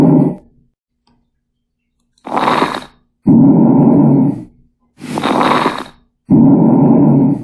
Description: 3:30 Crackles (Coarse)